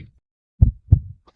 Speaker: No, before you opened your eyes, before your first breath, before anyone knew your name, there was a heartbeat